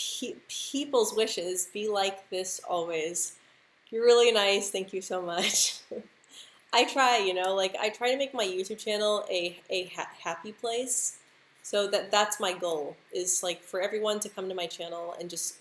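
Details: Adult woman who stutters, speaking live; she describes her move from the US to the Netherlands as a very stressful period; stuttering.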